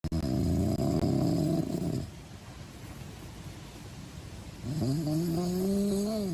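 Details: Rough, rattling snore on the breath in, a quiet pause, then a rising drawn-out groaning tone as the next breath begins; the person recording says it is their own snoring: snoring.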